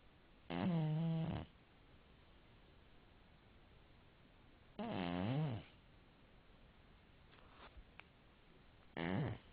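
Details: A sleeping cat snores in regular, buzzy, tonal bursts about every four seconds, around 14 breaths a minute.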